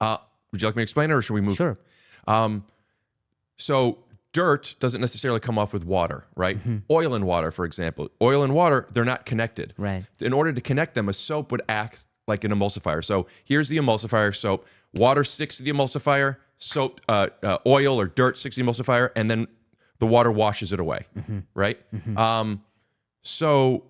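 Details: Adult man speaking; ordinary speech.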